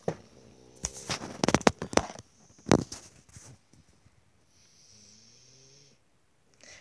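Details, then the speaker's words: Rough, rattling snoring from a dog resting indoors, followed by quiet with faint background sounds; snoring. "Mais déjà, c'est des bons conseils. Si vous entendez ronfler. Hein."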